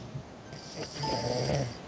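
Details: Man asleep and snoring during a voice conference call: a single rough, low snore building through one in-breath, heard over the call line with slight background noise.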